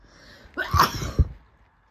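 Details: Person sneezing: a quick intake of breath then an explosive burst of air and voice in a small room, a single sneeze.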